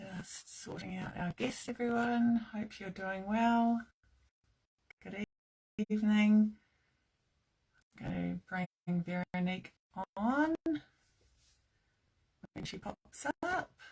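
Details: Adult woman speaking; normal speech.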